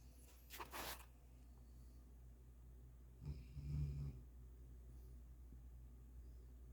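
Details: Sleeping dog snoring: a low, rumbling snore with a snort near the start and a steady low room hum behind it.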